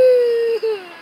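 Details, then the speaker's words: Babies crying together in a car: a single sustained high wail that breaks briefly and then trails off; infant crying. "I said we got a chorus of crying babies in this car do you like the song Cullen the song that they're singing do you like it"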